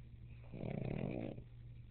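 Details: Sleeping pug snoring: a single low, rattling snore on one in-breath, with quiet room hum before and after.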